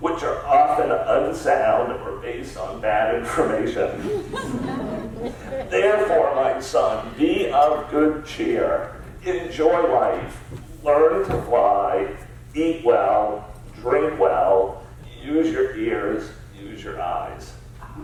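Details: Adult male CEO diagnosed about seven years earlier with spasmodic dysphonia, a rare neurological disorder affecting only speech with no known cause or cure; treated with periodic Botox injections; lacks consistent, comfortable use of his voice; spasmodic dysphonia.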